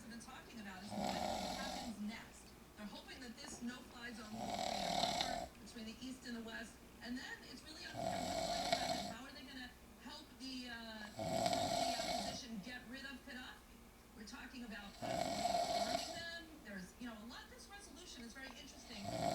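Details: Woman sick with a cold and cough, unable to breathe without coughing or snoring, with a 6-month-old beagle/rat terrier puppy beside her: loud, rattling snores about every three and a half seconds, roughly 17 a minute; snoring.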